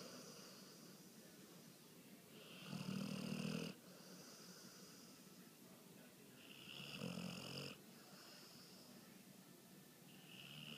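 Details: Sleeper whose snoring is loud enough to hear from the next room: two buzzing snores about four seconds apart over steady hiss, near 14 breaths a minute; snoring.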